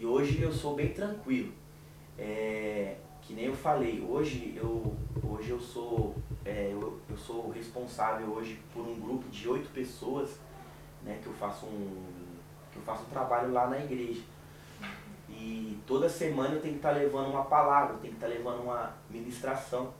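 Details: Adult Portuguese-speaking man with stuttering and speech blocks since childhood, after group therapy, still stuttering; stuttering.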